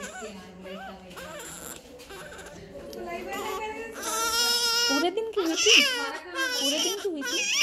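High-pitched, rhythmic wailing cry of a newborn rising in strength, with soft adult voices and faint music behind; a normal newborn cry.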